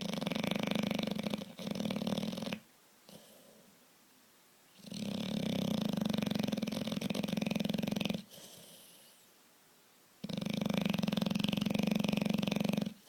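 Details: Loud, rattling snores on each breath in with quiet breaths out, about five breaths a minute, from a big bulldog; snoring.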